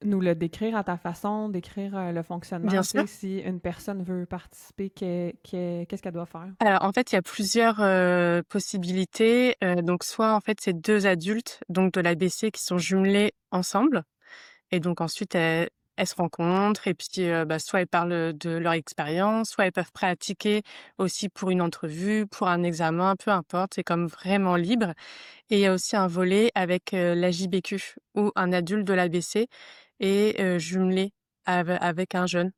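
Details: Adult woman who stutters, speaking French, first met other people who stutter at age 32 or 33; stuttering.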